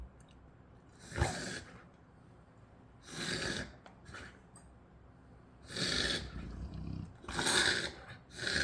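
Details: Dog coughing: four harsh, breathy hacking bursts spaced a couple of seconds apart over a quiet room background.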